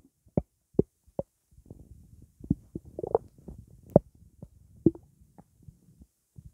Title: Blackcurrant juice sloshing in my stomach